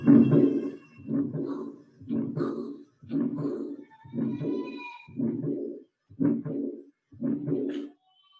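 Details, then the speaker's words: Diastolic murmur at the pulmonary valve focus, indicating pulmonary valve insufficiency: repeating heart cycles about once a second with a blowing sound after the beat. "sopro diastólico, nessa mesma válvula pulmonar, o di, o que que era? Insuficiência. Insuficiência da válvula pulmonar."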